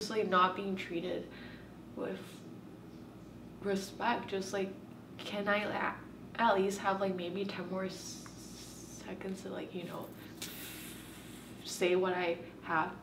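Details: Stuttering in a woman who has stuttered since she started talking and still blocks on the same letters.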